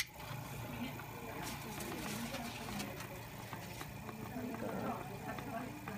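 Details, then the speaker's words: Nursing-class return demonstration of tracheostomy care and suctioning, patient's oxygen saturation 95%: a suction machine switched on, giving a steady mechanical hum and hiss before tracheostomy suctioning. "Then with my non-sterile hand, I'm going to go ahead and grab the tubing. In make sure that it's out. Okay. So, I'm going to go ahead and turn the machine on with my left hand"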